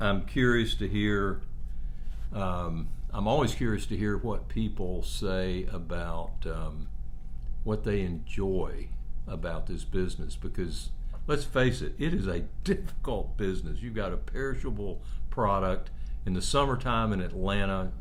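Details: Adult man speaking; ordinary speech.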